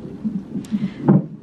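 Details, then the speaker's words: Fetal heart tones on a non-stress test belly-band monitor at 37 weeks; the baby is moving a lot. There is a two-vessel cord with heart rate dips that led to admission and induction. "And the baby's heart rate sounded good. You could probably hear it. I don't know if you can, but I thought it sounded good."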